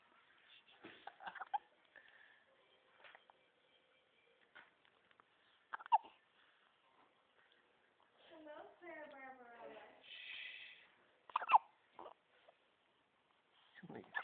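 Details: Hiccups in a baby girl: small abrupt hiccup catches, irregularly spaced, with mother laughing and voices in the room.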